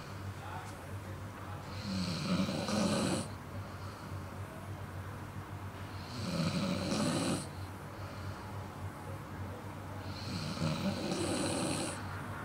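Three slow, rough, rattling snores about four seconds apart over steady low room hum; a sleeping dog snoring.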